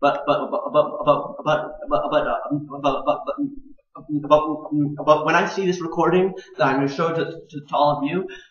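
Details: Stuttering with syllable and word repetitions and blocks in a male master's student on the autism spectrum whose father also stuttered; he had speech therapy and stutters more when anxious or passionate.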